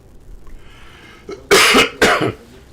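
Two sharp, noisy cough bursts in quick succession after a brief faint sound, against quiet room noise; a plain adult cough.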